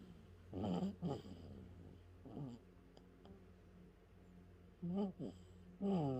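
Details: One-month-old baby boy snoring: short, grunting, voiced noises on breathing, in small clusters with quiet gaps, in a quiet room; infant snoring.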